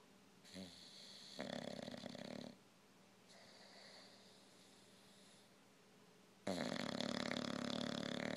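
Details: Aging Old English bulldog whose snoring has grown louder with age: loud, rough, rattling snores on inhalation and exhalation with quieter gaps.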